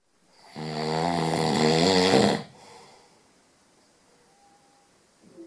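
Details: One loud, rough, rattling snore lasting about two seconds on an in-breath, then quiet; very noisy snoring.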